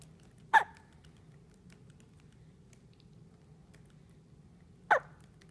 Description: So adorable to hear these soft hiccups even though they seem quite uncomfortable.